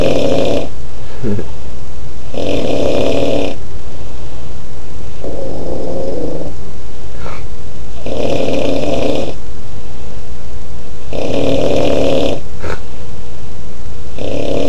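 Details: Man snoring heavily: loud, rough, rattling snores in a steady rhythm, about five in fifteen seconds, roughly twenty breaths a minute.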